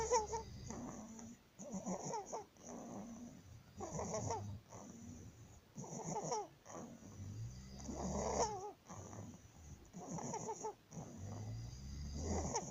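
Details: Inspiratory stridor in a 19-day-old newborn baby, consistent with laryngomalacia.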